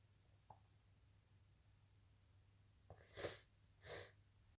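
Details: Sneezing fit of big wet sneezes into a handkerchief: a quick intake of breath, then two explosive sneezes in close succession, low room hum behind; sneezing.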